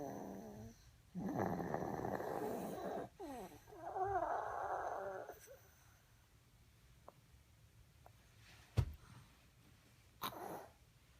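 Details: Snoring, labelled "11m" (possibly age), with rough, rattling breathing noises in a quiet room and a few faint clicks at the end.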